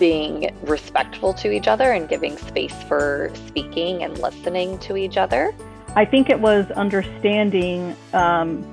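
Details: Adult speaker; normal fluent speech.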